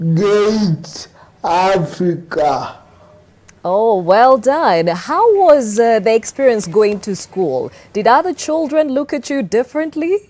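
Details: Adult woman speaking; normal speech.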